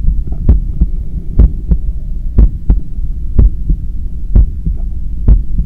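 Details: Adult cooling down after a 10 km run: strong, regular paired heart thumps about 60 a minute over steady low hum, with a visibly strong neck pulse; normal heart sounds during post-exercise recovery.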